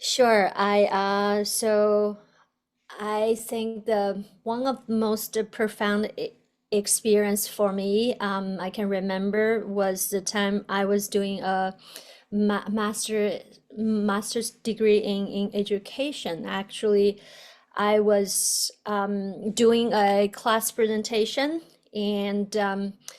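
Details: Adult woman who stutters, speaking in an interview; a word repetition is heard; stuttering.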